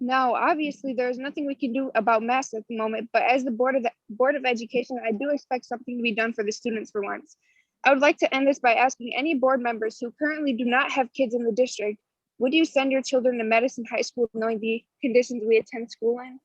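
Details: Adult speaker, likely student or young woman; typical voice.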